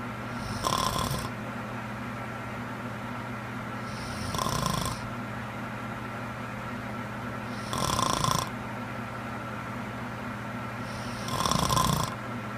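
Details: A sleeping woman (girlfriend): four soft snores about 3.5 seconds apart, roughly 17 a minute, over a steady room hum; snoring.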